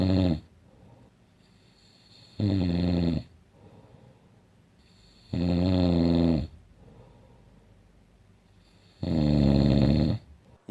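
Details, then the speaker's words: Snoring before applying tape over the mouth (before/after comparison of taping the mouth shut for sleep): loud, rough snores on each breath in, about four per ten seconds, with quiet breathing between. "먼저 스카치 테이프를 붙이기 전에 코골이 소리 입니다"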